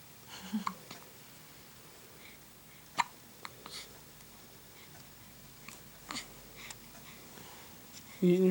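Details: 6-day-old baby with hiccups: abrupt, brief catching sounds recurring every few seconds in a quiet room.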